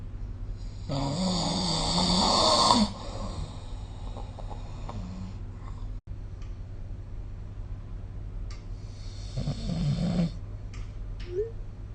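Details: Snoring recorded with the SnoreLab phone app: two rough, rattling snores on breathing in, with quiet breathing between them and steady background hum.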